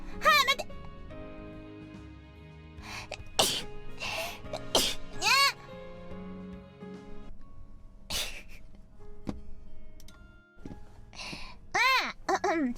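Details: Sneezing during a live chat stream: several sharp bursts of air with bright voiced exclamations between them, over background music and chatter.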